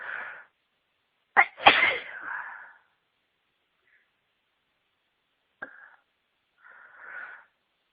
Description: Lots of sneezs during a fit where I was announcing I was gonna sneeze